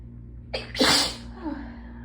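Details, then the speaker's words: Congested person in allergy season, pollen suspected, in a chilly room, at the start of a run of repeated sneezes: a short indrawn breath, then one forceful sneeze burst. "Hold on, I'm gonna sneeze. Check. No? No, I'm gonna sneeze."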